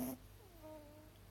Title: Pepper Mini Dachshund makes weird noises when she sleeps!